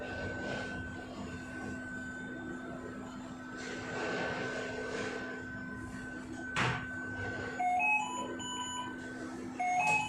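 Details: Philips V200 ICU ventilator for adult, pediatric and neonatal use running: a steady machine hum with soft periodic airflow swells and several electronic tone beeps.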